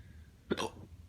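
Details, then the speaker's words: Person with persistent, repeated hiccups, in pain and tearing up: a single abrupt, voiced catch of breath in a quiet, noisy room; hiccup. "I'm hiccuping so much. Why? Please."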